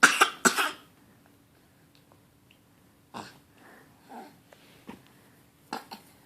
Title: Hilarious! Eating a tag and coughing!